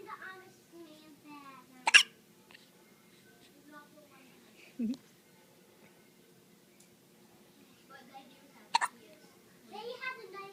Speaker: Baby got the hiccups? Okay.